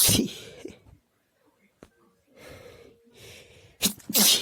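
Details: Quiet sneezing: several short, hissing, partly stifled sneezes with quiet breaths in between, about four sneezes.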